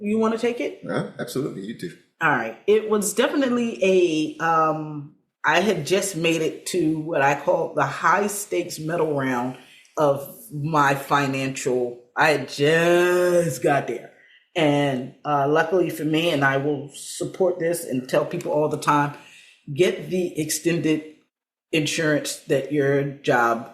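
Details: Aphasia after stroke in an adult woman, about seven years post-onset; aphasia.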